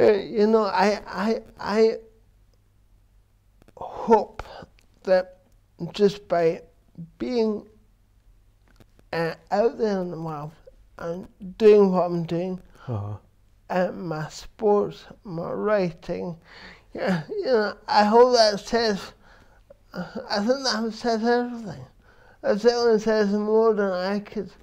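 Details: Adult man with cerebral palsy since birth, which he says affects his verbal communication, balance and coordination; dysarthria (cerebral palsy).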